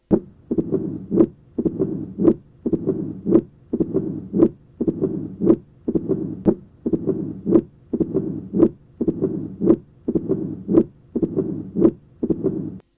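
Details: Mitral stenosis with presystolic murmur: regular heartbeat near 56 a minute, long low rumble building into a loud, sharp first sound.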